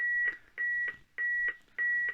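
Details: Repeated high electronic beeps, each about a third of a second, in a steady on-off pattern; AED prompt tones after a shock is delivered, instructing rescuers to begin CPR, in a training demonstration.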